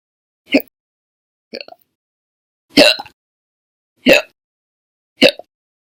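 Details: Five abrupt, short vocal hics with silent gaps, about one every second, slightly irregular; repeated hiccups in an adult, audio only.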